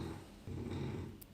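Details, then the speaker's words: Dog snoring loudly in the background while sleeping: low rattling rumble building and holding about a second, fluttering drone; snoring. "am really sorry about my dog snoring in the background i can hear it really loud"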